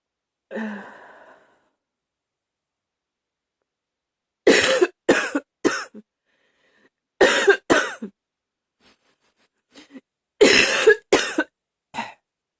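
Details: A hard coughing bout with gagging: a throat clear, then about a dozen hard, dry coughs in clusters of three to four, with silent pauses between bouts.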